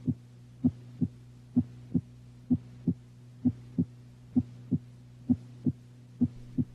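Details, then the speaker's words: Normal heart sounds in an adult, auscultated with the stethoscope diaphragm at the apex: regular paired lub-dub at about 65 beats per minute, with S1 louder than S2 at the apex. "normally the rate is 60 to 100 beats per minute and the rhythm is regular identify s1 at s2 in the aortic"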